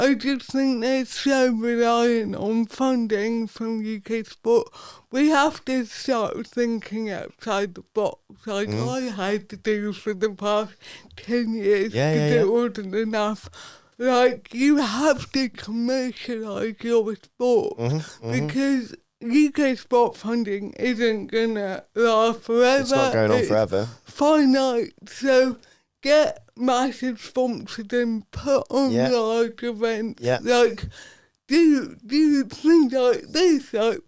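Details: Adult woman, Paralympic dressage rider with athetoid cerebral palsy whose speech is affected by it, previously self-conscious about her speech; dysarthria (athetoid cerebral palsy).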